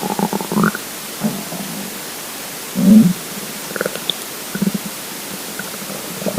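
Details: Hungry, empty stomach rumbling: scattered low gurgles and rumbles over a steady hiss; ordinary borborygmi.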